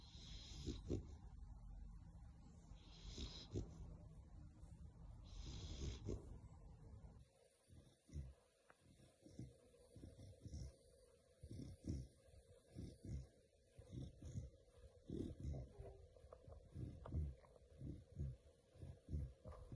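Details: Female American Bully dog snoring while asleep: low, rumbling snores in a steady sleeping rhythm, some with snorting noises.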